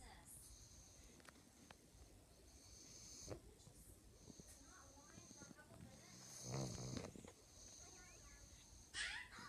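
Soft, rough snoring breaths from a sleeping small dog, partly masked by room noise.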